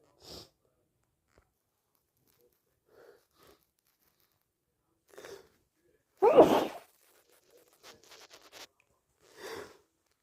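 Several short sharp sneezes, one much louder, with quiet breaths and rustling between; hay fever sneezing, deliberately brought on.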